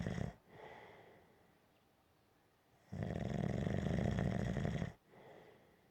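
Rough, rattling snore on a long in-breath, then a quieter out-breath. Steady, gentle snoring.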